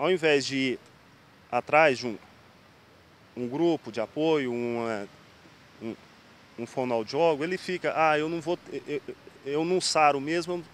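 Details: Adult man undergoing speech therapy for stuttering; stuttering.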